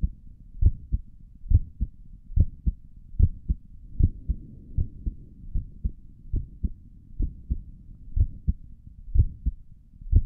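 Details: ASMR recording of the creator's own heartbeat through a stethoscope on the chest; steady paired lub-dub at about 70 a minute, clear, no added sounds; stomach gurgles occur during the recording; normal heart sounds.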